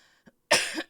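A single abrupt, harsh cough burst from an adult after a brief quiet moment, with faint room noise before it: an ordinary cough.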